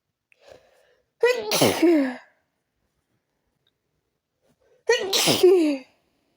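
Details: Repeated sneezing, habitual and not relieved by changing rooms: two loud, explosive sneezes a few seconds apart, each with a sharp intake before the burst, during a sneeze attack.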